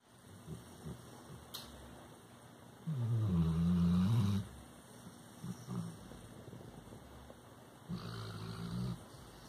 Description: Labrador Retriever dog Jackson snoring in his sleep.